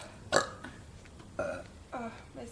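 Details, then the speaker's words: Girls burping after drinking a whole drink, stomach feeling bloated with air: three short, throaty belches in quick succession over low room noise; ordinary burping. "stomach just feels like so much air bloated mhm me too oh don't burp on me what the heck does it help looking up yeah your throat"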